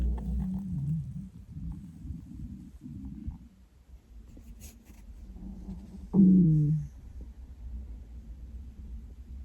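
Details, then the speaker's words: Adult woman's loud stomach noises, which she calls hideous and likens to going into labour; stomach rumbling (borborygmi). "Which might be sooner than you think with these noises. I feel like Alien is about to happen."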